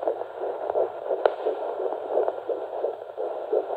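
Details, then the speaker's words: Fetal heartbeat on home Doppler, probe pressed firmly mid-abdomen, distinguished from the mother's own strong, slower heartbeat: rapid, regular whooshing pulses over a hiss, fast galloping rhythm. "so now to differentiate between my heart by you and the baby Serbia go into the middle and you can push pretty hard and that is the baby's heartbeat sometimes it's a little tricky to get it"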